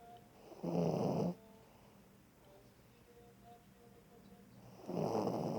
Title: Doggy snore